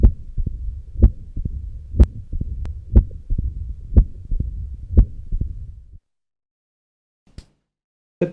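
Regular heartbeat near 60 a minute with a low rumbling murmur filling the gaps between beats, typical of mitral stenosis.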